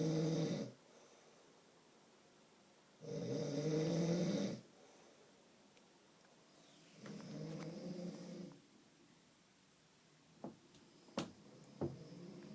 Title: My husband snoring